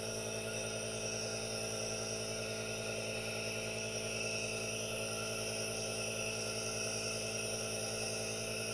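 Continuous steady hum with a hissing rush, the sound of a running aerosol nebulizer.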